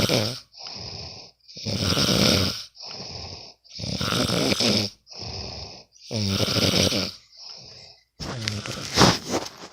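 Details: Loud, rough, rattling snores on both in- and out-breaths, about four breaths in ten seconds, recorded from a sleeping friend; ordinary snoring during sleep.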